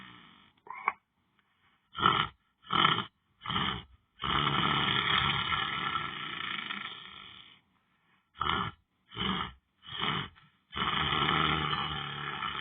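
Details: Person lying down on the floor asleep, with loud, harsh, roaring snores, some short and some drawn out, and silent gaps between breaths: heavy snoring.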